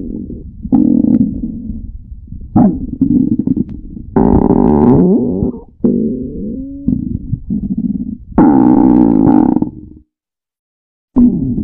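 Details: Loud, drawn-out gurgling and rumbling with rising and falling pitch, in bursts separated by brief quiet; the finding is stomach growling (borborygmi).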